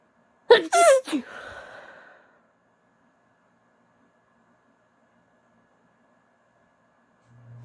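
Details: Female, a single stifled, wet sneeze with a sharp voiced onset and breathy trailing exhale, then quiet; sneezing.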